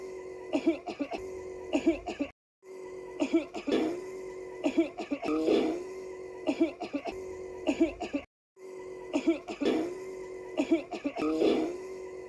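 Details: A child acting as a character gives short, deliberate acted coughs and throat-clearing over a steady background hum, amid laughter.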